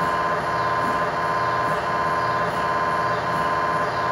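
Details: MRI scanner acoustic noise inside the scan room during a tibia/fibula (lower-leg) test scan with a GE high-definition lower-extremity coil, in a controlled environment: a loud, steady buzzing hum with fast, regular pulsing during a sequence.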